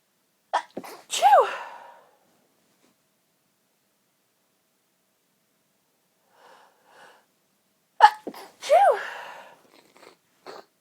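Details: Two stifled sneezes, each a quick catch of breath followed by a muffled, suppressed burst, separated by silence; deliberately stifled sneeze.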